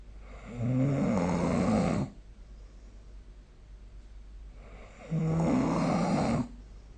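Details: Snoring recorded with the SnoreLab app during sleep: two long, loud, rumbling inspiratory snores separated by a quiet pause.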